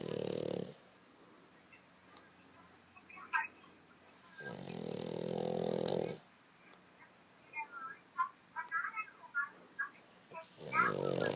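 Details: A sleeping dog snores loudly, with long rumbling breaths about every five seconds and soft snuffles and clicks between them: snoring.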